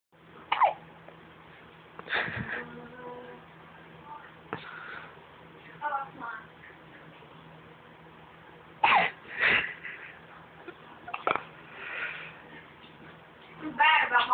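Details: Two-week-old baby girl with hiccups: short, sharp, repeated hiccup sounds, about seven in fourteen seconds, over a steady low room hum.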